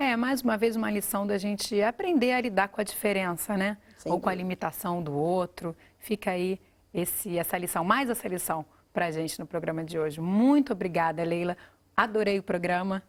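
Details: Adult women speaking Portuguese; normal speech.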